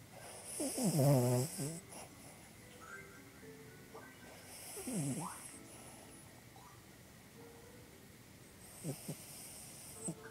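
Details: Sleeping dog that twitches while sleeping, snoring with whistling, squeaky nasal breaths and a few short snorts and sniffs.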